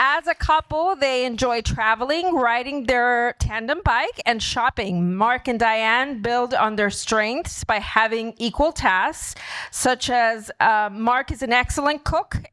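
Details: Adult woman speaking; typical speech.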